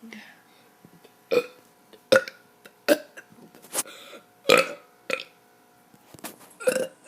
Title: Kid doing burps 25